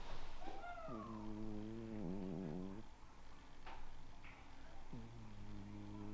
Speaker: I don't know if you can hear my cat but he's snoring like really loud right now he's 18 and um it's really like living with a 90-year-old man